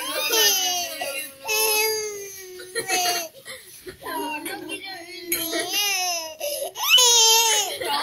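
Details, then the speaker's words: Infant aged 6 months 2 days crying: loud, high-pitched repeated wailing bursts while an adult softly soothes and rocks the baby; an ordinary infant cry. "Send lang natin to kay Mami Lu kasi gusto niya makita paano ka iyak."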